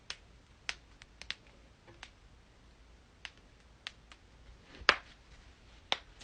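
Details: Loud back crack and more cracking: about ten sharp, scattered pops and clicks over six seconds in a quiet room, joint cracking during manual adjustment.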